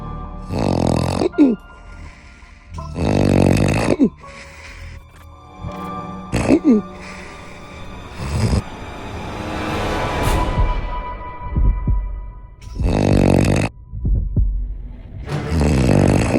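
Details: Very loud, low, rattling snores, roughly 20 a minute, with music in the background; snoring.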